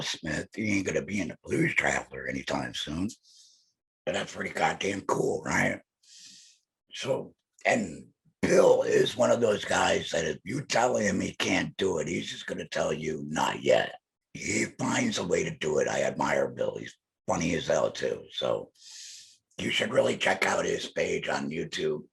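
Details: Laryngectomee man speaking with an electrolarynx held to his neck, his only form of communication; electrolarynx speech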